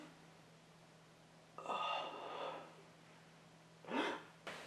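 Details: Staged comedy-skit sneezes: a sharp inward gasp, then a burst of breath and a second quick explosive sneeze over a steady room hum.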